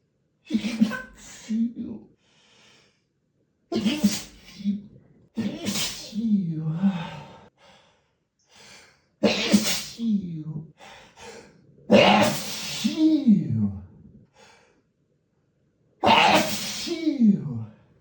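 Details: Male sneezing fit in a hotel room: several forceful sneezes, each with a voiced wind-up and gasp, spaced out in a quiet room; repeated sneezing.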